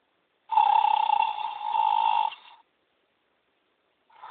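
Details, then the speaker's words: Snoring in a very laid-back small horse found sound asleep: a long, steady, rattling snore, then silence before the next breath begins. "oh he's fallen asleep let me wake him up [Applause] no it's definitely gy is sound asleep"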